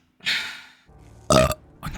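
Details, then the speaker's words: Two belches, a long airy one then a short loud voiced one, with a third starting. "Again, I took a really big drink of water and it just keeps coming up. Excuse me. Ooh, that was good."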